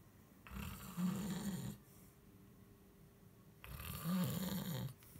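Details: Snoring during sleep: two loud, low, rattling snores on breathing in, separated by quiet exhalation.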